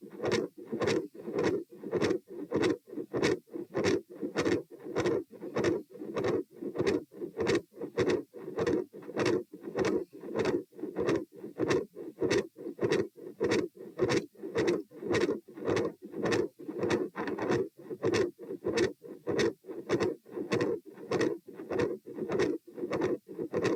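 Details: Auscultation stress test at position P, 90-126-72 bpm while sitting, standing, lying: rapid regular heartbeat near 100 a minute with rumbling continuous machinery-like murmur and loud S2.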